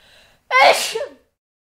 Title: Woman Sneeze Sound Effect